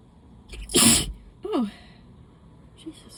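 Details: Allergy sneezing: a sharp in-breath, then one loud, wet, explosive sneeze and a short voiced sound after it.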